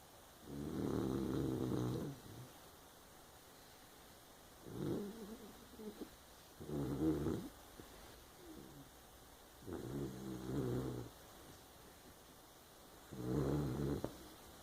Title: snoring